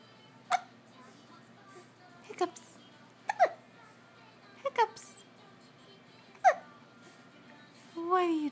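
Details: Six short, sharp vocal hiccup bursts at irregular intervals over about eight seconds in a quiet room; baby hiccups.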